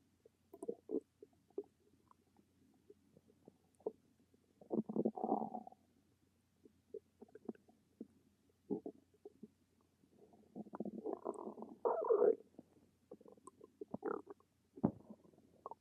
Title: Stomach rumbles